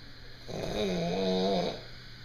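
A single loud, buzzing snore lasting just over a second, with a humming, vibrating tone.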